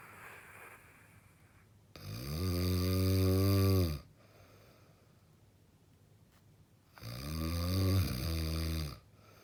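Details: Extremely heavy snoring: two very loud, long, deep rattling snores on breathing in, with quiet pauses between.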